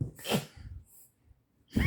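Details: Dog (Foxy) coughing after choking, owner unsure why; sharp explosive expiratory burst, then a second burst starting near the end.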